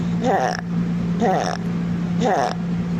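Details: Teaching example: three harsh, high-pitched, bleating breath noises about once a second, stridor from a narrowed airway.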